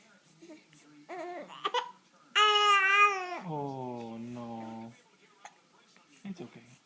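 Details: Fussy baby with hiccups, talking with dad: short babbling sounds, then a rising, strained, whiny wail that settles into a lower, steady cry as the baby gets mad.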